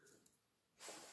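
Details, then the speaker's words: Pet's snorting, congested nasal breathing; the owner suspects a cold: a soft hiss, then a sudden noisy snort. "Eh ben alors, ma fille, tu ronfles et tu fais du bruit. On dirait que tu as attrapé un rhume. Tu as attrapé froid, Mimi?"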